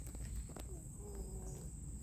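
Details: Cat on half of a 5 mg prednisolone dose as it wears off before the next dose: a low continuous purr rumble with a faint thin whistling wheeze over it.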